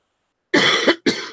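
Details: Two quick, harsh cough bursts without rattle or gurgle in a quiet room, from an adult recovering from an illness, still coughing with a runny nose on the first day of feeling better: a dry cough.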